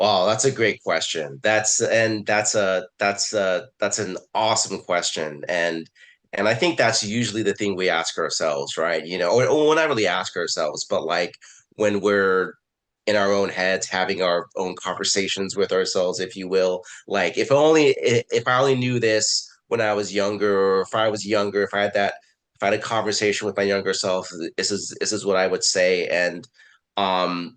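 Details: Adult man, a person who stutters, with repeated words and phrases; stuttering.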